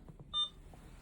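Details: IV syringe pump being set up to run Veletri (epoprostenol) nebulization via an Aerogen nebulizer on an adult ventilator: a single short, clear electronic confirmation beep over quiet room noise.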